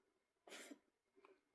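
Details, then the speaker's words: Cough from Skitters; the owner doesn't know why he is coughing. "And if you hear that that's Skitters and I don't know why he's coughing."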